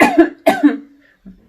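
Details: Voluntary cough: two deliberate, voiced cough bursts from an adult physical therapist demonstrating a forward-bent belly cough technique, meant to reduce pelvic pressure in stress urinary incontinence.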